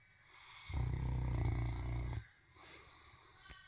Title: snoring